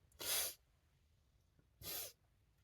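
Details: Person sneezing into a handkerchief and apologizing repeatedly, recorded on request: two sharp, hissing sneeze bursts about one and a half seconds apart in a quiet room; sneezing fit.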